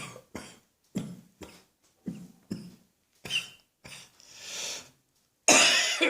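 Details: Irritating dry cough brought on by a dusty atmosphere, with no chest infection at present: about nine short, sharp coughs in quick succession, a drawn breath, then a final louder cough, with no rattle or wetness.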